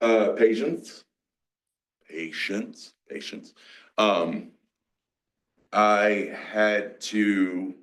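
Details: Adult male, 47, with mixed Broca's and Wernicke's aphasia after a massive stroke 6 years earlier (onset in his 40s). He had to relearn to talk. Aphasia.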